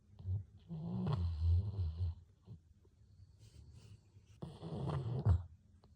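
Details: Golden retriever dog snoring while asleep after a walk: two long, low, rumbling breaths with throaty vibration separated by quiet pauses; snoring.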